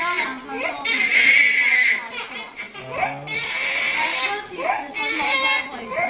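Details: Infant crying in pain after an injection: loud, high-pitched, strained repeated wails with gasping breaths.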